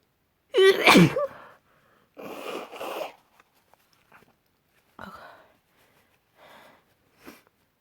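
A loud explosive sneeze followed by two quieter sneeze bursts and a few faint sniffs; ordinary sneezing.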